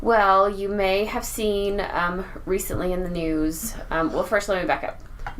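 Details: Adult woman speaking; normal voice.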